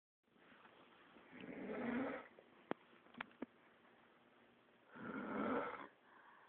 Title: World best snore!!!!!